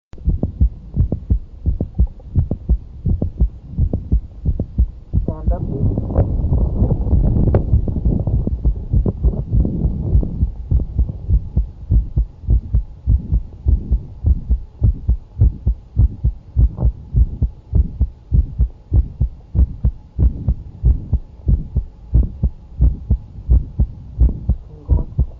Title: Mid systolic click during stand/squat-heart sound auscultation